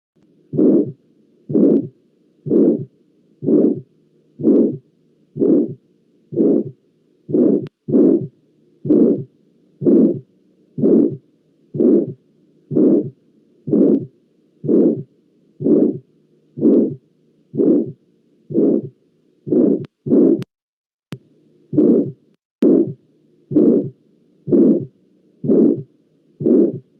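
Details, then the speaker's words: Regular heartbeat near 62 a minute with a soft blowing early diastolic murmur heard at the heart base: aortic regurgitation murmur. "la recogida acción aórtica se va a caracterizar esta va por un soplo diastólica temprano que se va a escuchar en la base del corazón"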